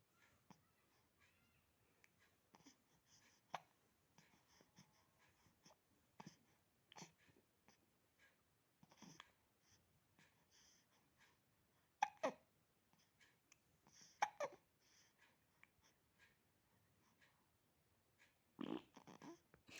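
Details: 8-week-old baby boy with hiccups: soft, brief catching sounds at irregular intervals, about 27 a minute, in a quiet room.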